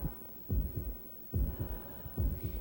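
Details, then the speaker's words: Simulated normal heartbeat in a 1993 Red Cross CPR training film: slow, regular low lub-dub beats, about 70 a minute, with a faint hum; a normal heart beats 60–80 times per minute. "The cardiovascular system is driven by regular contractions of the heart muscle. A normal heart beats about 60 to 80 times per minute."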